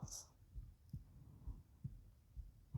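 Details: Adult's own heartbeat recorded for ASMR while reading aloud quietly; soft, regular low thumps about 65–70 per minute under room hiss; normal heartbeat.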